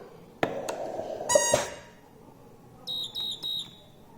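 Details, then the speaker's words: Ventipac transport ventilator for adults, children and infants over 10 kg. It is flow-set with 1 s inspiratory time, 3 s expiratory time and a target of about 300 mL. Clicks and a start-up tone are followed by three high-pitched beeps: the high-pressure alarm. "And the same as before, this is the pressure alarm that we will set up. So this patient is alarming that we are reaching the high pressure."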